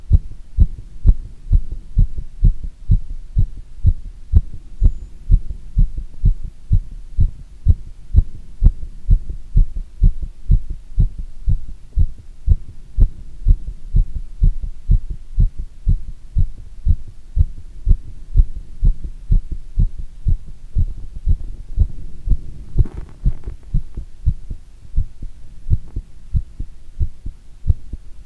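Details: Fast, steady heartbeat with clear thumping beats, recorded while the person does squats; the rate slows suddenly near the end when the person bends forward.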